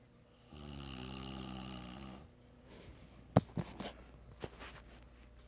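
One long buzzing snore on an in-breath, followed by a few snorting and smacking noises. Snoring.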